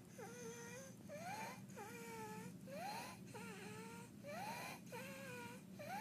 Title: baby with Croup Stridor Barking Cough